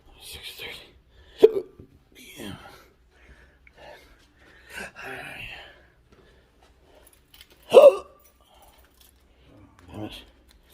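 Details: Intractable hiccups with choking spasms, Oct/Nov 2022; episodes last hours and are worsening; sharp throat catches every couple of seconds with brief choked gasps between.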